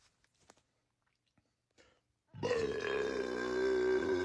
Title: Zimba Burps